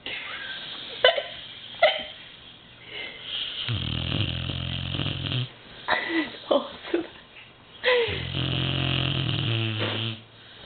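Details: 2-year-old American Bulldog snoring very loudly while asleep: loud rattling snores on each breath in, with quieter exhalations between; snoring.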